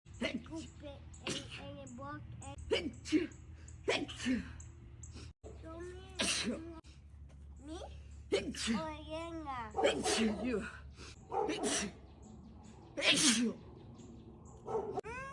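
Several sharp sneeze bursts, some with a high-pitched voiced onset, in a small room: repeated sneezing.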